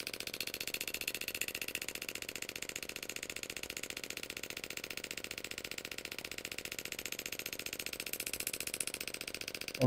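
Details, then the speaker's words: A shockwave therapy device is applied with ultrasound gel to the plantar fascia on the sole of a woman's foot, with the speed increased during the treatment. It gives rapid, fairly steady clicking pulses, about 220 a minute. "so okay so with a common treatment this will deliver anywhere from a thousand to twenty five hundred impulses of these shock Waves per treatment"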